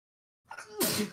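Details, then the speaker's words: Adult sneeze during a livestream, one of several in a row: a brief voiced in-breath, then a sudden, explosive hissing burst. "I don't want to sneeze anymore."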